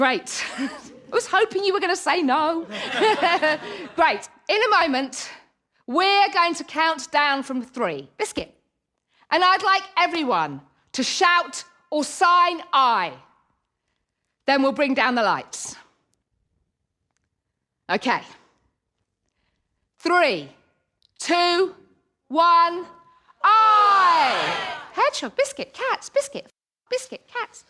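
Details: Woman in her late 30s with Tourette syndrome: involuntary vocal tics such as 'biscuit', 'hedgehog', 'sausage' and 'cats', plus audible motor tics of her hand banging her chest.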